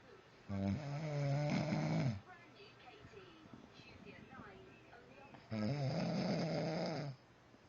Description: my husband makein the house shake with his snoring